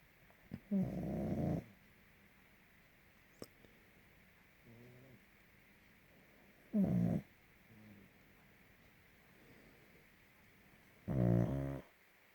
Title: Mia the pug snoring very loud !!!!